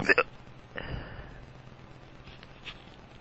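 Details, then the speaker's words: One loud, abrupt hiccup, then a weaker gulping sound, from a drunk adult man whose powerful hiccups hurt his stomach and "sound weird"; steady background noise; hiccups. "My hiccups sound weird."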